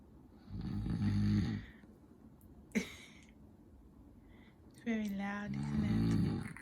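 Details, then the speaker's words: Sleeping baby snoring: two loud, low, rattling breaths with a short snort between them in a quiet room. "Daddy's snoring keeping you awake, baby? Is Daddy's snoring keeping you awake?"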